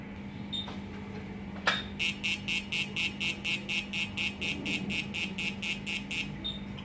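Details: Fractional CO2 laser treating acne scars by skin resurfacing: a click, then a series of high, regular firing beeps at about two a second.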